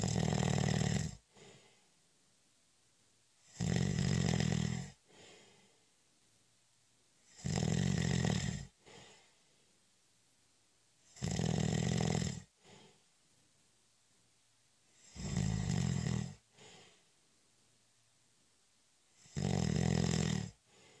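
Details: Steady, deep, rumbling snores, each followed by a short breath out, about 17 breaths a minute, in a quiet room during a short, light nap; snoring.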